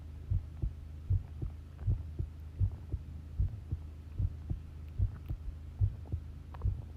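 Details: Long heartbeat recording: steady, deep, thumping heartbeat at about 76 beats a minute over a low hum.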